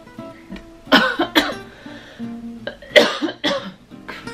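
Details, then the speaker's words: Two pairs of short, sharp adult coughs, four in all, over soft acoustic guitar music; the speaker mentions her coughing and sneezing. Finding: cough. "if you like the sound of my coughing sneezing"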